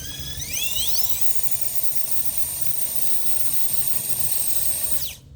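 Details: Surgical power drill with cannulated reamer run over a guide wire: high-pitched whine rising quickly to a steady pitch, then winding down, opening an entry hole in a plastic bone model during a pediatric orthopedic training session.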